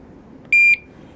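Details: Single short, high, pure-toned beep in a quiet room from a Curlin 6000 infusion pump set up for PCA, prompting for its lock code during tubing priming before patient connection.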